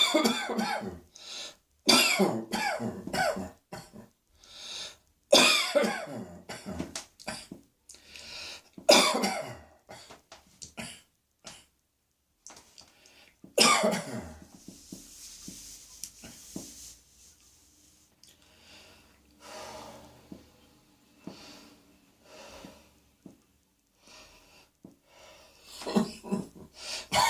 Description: I had just put on my underwear and pantyhose - ready to slip into my pussycats mini-dress - when I had a coughing fit and had to rush to the bathroom.